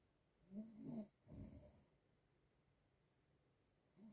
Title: Grandma snoring P2 #funny #snoring